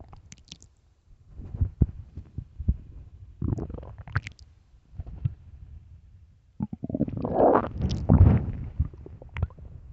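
Deep, irregular gurgling rumbles and squelches building to a long loud growl; stomach growling from an empty stomach, a normal sound.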